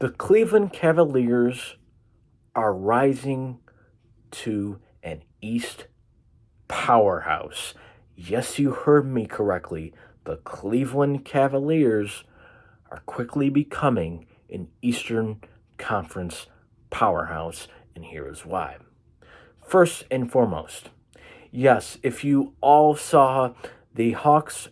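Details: Man with cerebral palsy causing an occasional stutter; stuttering-type disfluency.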